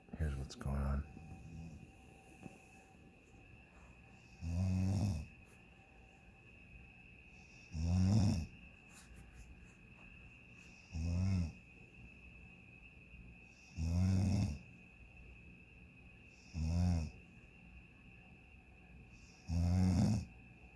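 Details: Person asleep in a hotel bed on vacation at 12:37 a.m., snoring nonstop: deep, rumbling snores on each breath in, about 20 a minute, with quiet pauses between.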